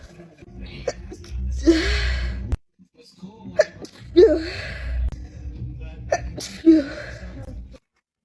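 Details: Female sneezing: three sneezes, each with a quick in-breath and a voiced burst, with faint music and talk behind; ordinary sneezing.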